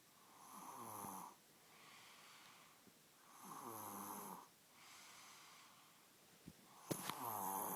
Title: snoring